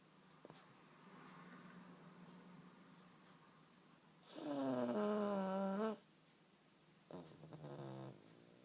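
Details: Pug sleeping after a long walk: soft, rough breathing with a louder whistling, fluttering snore on an in-breath, over steady room hum.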